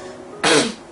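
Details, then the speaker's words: 12-year-old boy with Tourette syndrome, whose tics are mainly vocal and cause throat friction and hoarseness; single abrupt, harsh throat-clearing or cough-like burst in a quiet room; vocal tic. "בעצם הגוף עושה פעולות או קולות שהם לא אמורים לקרות אצלי זה בא על ידי ביטוי בקולות"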